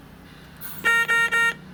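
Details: A run of four rapid, bright electronic beeps with brief gaps: a ventilator's high peak airway pressure alarm, shown in a pulmonary class ventilator demonstration.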